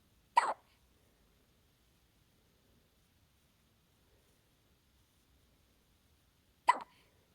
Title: Middle of the night hiccups